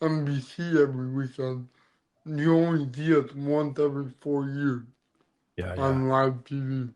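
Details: Adult man born with cerebral palsy, which affects his neck muscles, giving him a deeper voice and making talking hard; dysarthria (cerebral palsy).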